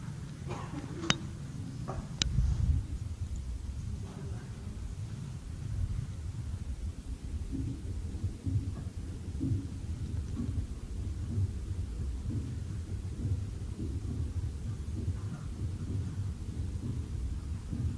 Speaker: so you guys can hear the L up bu up so the first heart sound that's around the time that the AV valves are closing and the second one is around the time that the semi lunar valves are closing right